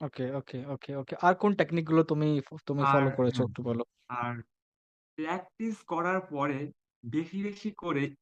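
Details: Adult male speaker; fluent speech.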